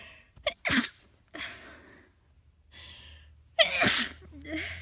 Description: From a cold I had come down with a few weeks ago. I was incredibly congested and sneezing all over the place with this cold so here's one of the fits I had.